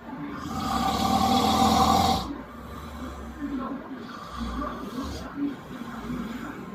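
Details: Snoring from a sleeping person: a long, loud, rattling snore on a breath in, followed by quieter rough breathing with softer snore-like noises.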